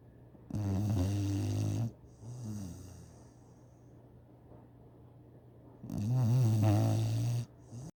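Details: Loud, low, rattling snores on the in-breath, two long cycles with a softer snort between, in a quiet room; snoring.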